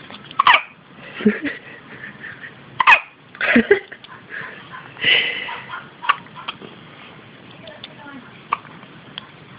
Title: hiccups ,